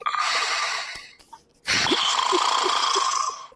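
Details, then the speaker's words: Acted, theatrical snoring in a comedy sketch, loud harsh exaggerated snores and snorts in two long bursts with a short pause. "I wish your snoring had only sound, it would have been nice. What are you talking about? You snore with gear."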